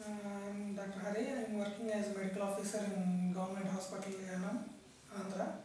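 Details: Puberphonia in a 29-year-old man, present since puberty and never treated, recorded before therapy.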